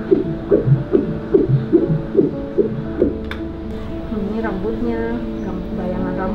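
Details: Fetal heartbeat on pregnancy ultrasound at 7 months: rapid, rhythmic whooshing pulses, about 150 a minute, fading into background music.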